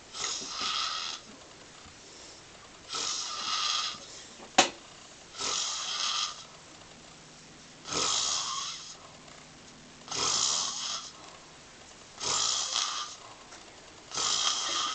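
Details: Rough, noisy breaths about every two seconds, roughly 27 a minute, with quiet gaps between them; steady snoring during sleep.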